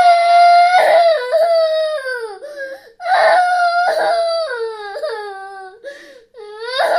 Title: Baby Crying sound effect l សំឡេងទារកយំ